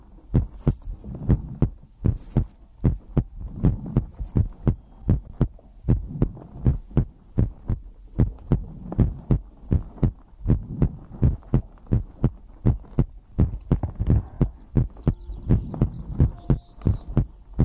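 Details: Own heartbeat recorded close up for ASMR heartbeat-and-breathing sleep content: steady, deep, paired thumps at roughly 80 beats a minute with a low hum; a normal heartbeat.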